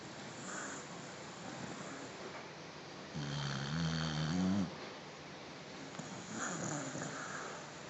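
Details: Soft rumbling breaths with one louder, buzzing snore in the middle from a deeply sleeping dog that keeps snoring and does not react to sudden waking attempts; room hiss in the background.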